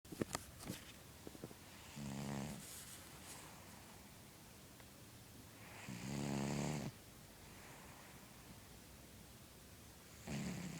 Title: Kitteh snores.